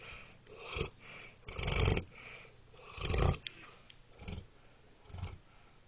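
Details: Pet snoring: repeated low, rumbling snorts and raspy breath noises in uneven bursts through sleep-like breathing.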